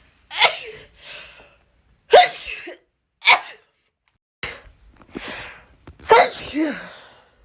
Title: Strong rapid sneezing